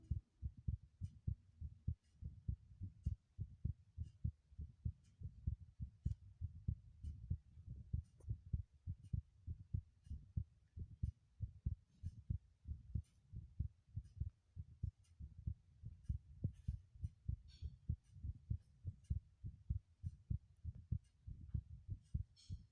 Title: the most intense heartbeat sounds video I've ever made